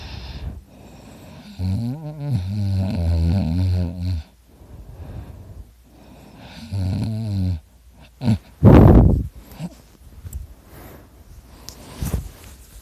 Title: Me snoring ( I sound like a chainsaw!)